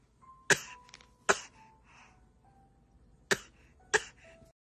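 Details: Four short, sharp coughs from a baby, with soft music in the background: infant cough.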